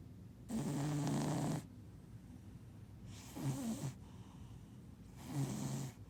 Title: Cutest cat snoring